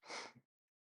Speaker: Oh, I think I'm gonna sneeze. Excuse me.